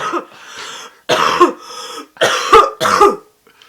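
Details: A sick adult gives a long bout of about four harsh, wet-sounding coughs, consistent with a productive cough bringing up phlegm.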